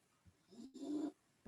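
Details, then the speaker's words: Snoring from Rusty, a sleeping pet: a single soft, low rumbling snore rising then fading over about half a second in a quiet room. "Can you hear Rusty snoring?"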